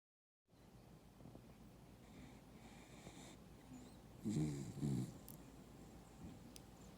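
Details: Female beagle-corgi mix sleeping on a couch: quiet breathing with one short pair of soft snorting snores; snoring.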